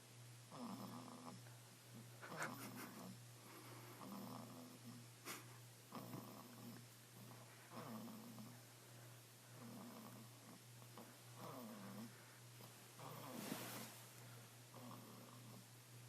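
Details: Snoring baby: soft rhythmic snoring, about 17 breaths a minute, each breath a low rattling snore over a steady background hum.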